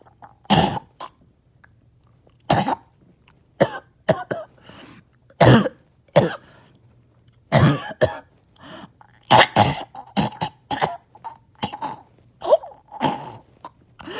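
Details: Productive cough after a breathing treatment, during prolonged painful mucus clearance: frequent harsh, wet coughs and throat-clearing in close runs, with gurgling, straining and choking on phlegm.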